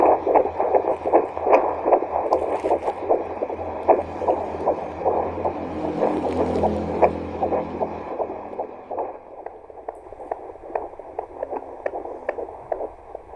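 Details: Handheld fetal Doppler: rapid, regular whooshing beats at roughly 150 a minute, fading toward the end; fetal heartbeat.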